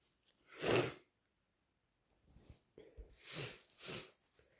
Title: Strong, loud induced sneezes plus blows